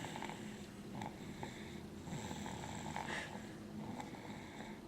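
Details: Snoring after a Thanksgiving meal of turkey, stuffing, potatoes and pumpkin pie: soft, continuous rumbling breath noise with rhythmic snorting rattles under room noise.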